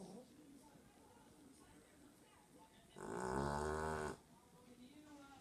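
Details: A single loud, buzzing, drawn-out snore lasting about a second amid quiet room noise from a sleeping pet dog.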